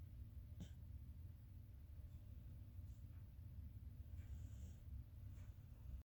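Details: Sleeping baby girl snoring with soft, faint snorting breaths, a light snore over low room rumble.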